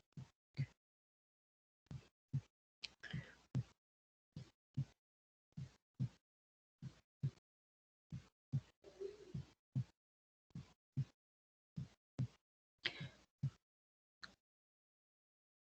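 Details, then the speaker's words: Normal heart sounds in a veterinary physiology lesson: steady paired low 'lub-dub' about 50 a minute, the first sound slightly more prolonged than the second; normal S1 and S2. "o primeiro som ele é um pouquinho mais prolongado em relação segundo é Sutil"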